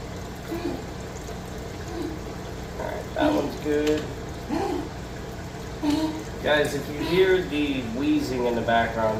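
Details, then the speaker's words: 15-year-old dog with a collapsing trachea, breathing with repeated squeaky, whistling wheezes over a steady aquarium water-pump hum. "I apologize our dog is 15 years old um and his trachea is starting to collapse so hence the weezing don't worry he's being well taken care of he's okay this is just kind of a thing for him right now"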